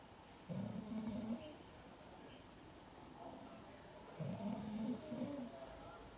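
Two soft, low snores several seconds apart, faint against quiet room noise.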